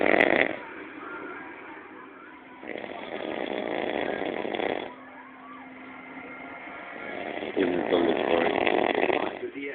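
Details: Adult man snoring heavily around 6 a.m. after passing out while waiting for pizza: loud, harsh, rattling snores in long drawn-out breaths, with some room noise between them.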